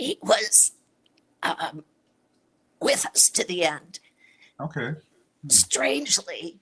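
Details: Adult woman with chronic dysphonia, a voice disorder, treated with Botox injected into the vocal cords every three months; real patient speaking; dysphonia.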